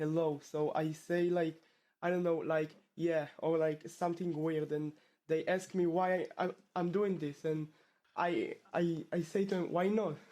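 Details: Stuttering in a male 12th-grade high school student from Israel who has stuttered since about age two; his stutter returned after two years of fluency.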